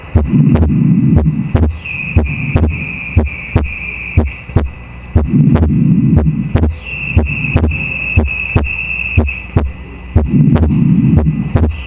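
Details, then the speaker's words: Simulator recording at the pulmonic area: regular heart sounds with a slow breathing cycle. The second heart sound is widely split in both inspiration and expiration, more on inspiration, a pathological wide split of S2. "Desdoblamiento amplio del segundo ruido cardíaco. Aquí, ¿qué va a pasar? Se desdobla el ruido tanto en inspiración como expiración, que eso ya es patológico, eso no es normal que pase en inspiración y en expiración."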